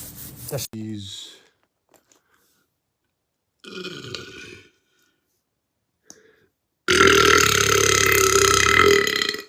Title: Guys Burps Compilation